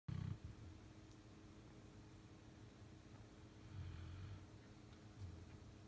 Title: BELGIAN MALINOIS SNORING!!!!Robbie is snoring under the bed !